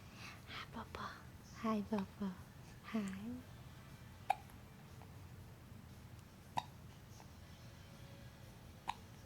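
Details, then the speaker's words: Infant with hiccups: soft, sharp hiccup clicks roughly every two seconds after brief baby sounds, with quiet room noise; ordinary hiccups. "Look to your left. You got the hiccups."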